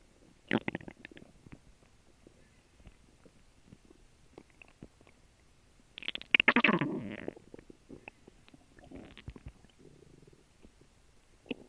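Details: Digestion after a lunch of a grilled cheese sandwich and water: irregular gurgles and rumbling bursts from the abdomen; normal bowel sounds (borborygmi).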